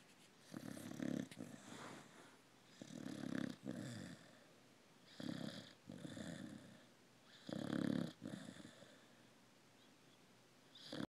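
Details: Steady, rattling snores with each breath from a sleeping dog, about 25 breaths a minute, in a quiet room; snoring.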